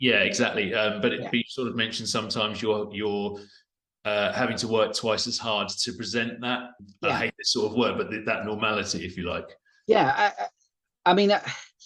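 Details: Adult male speech, podcast conversation; none.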